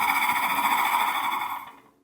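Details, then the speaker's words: Demonstration of a flutter valve positive expiratory pressure (PEP) device that creates back pressure to loosen lung secretions: a steady buzzing, rattling tone during one long exhalation, fading as the breath ends. "There's also positive expiratory pressure devices or PEP devices like this flutter valve here. This is something that the client blows into to create back pressure into the lungs that loosens the secretions and it looks and sounds like this."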